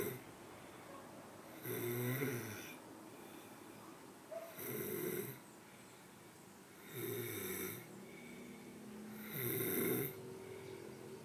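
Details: Snoring: four rough, rattling snores on the in-breath, about 24 a minute, with quiet gaps between, in a quiet room.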